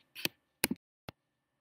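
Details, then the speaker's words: Artery clips (artery forceps, mosquito to larger sizes) from a basic surgical set, ratcheted instruments that maintain a strong grip: three short, sharp metallic clicks in a quiet room as the ratchet locks shut. "you can see these are our accident instruments which allows them to maintain a strong grip"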